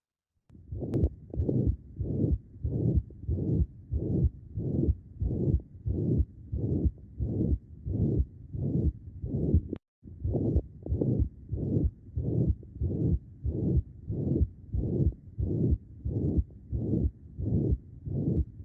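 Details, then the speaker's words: Real patient recording: regular heartbeat near 92 a minute with flat, plateau-shaped blowing murmur through all of systole; mitral regurgitation. "all right here's what mr sounds like it's a plateau-shaped flat-shaped murmur extending all through systole"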